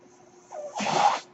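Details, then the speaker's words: A faint whirring tone, then a short rush of airy hiss lasting about half a second: a mechanical ventilator breath, recorded in real life while the male podcast host speaks. "hello everyone my name is that noise raised by ventilator and welcome to page turners"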